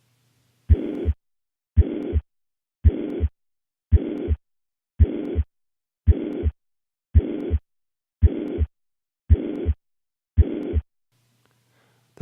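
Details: Mitral regurgitation murmur from a heart murmur teaching lecture: a uniform holosystolic murmur, because the left ventricle–left atrium pressure gradient stays roughly constant throughout systole.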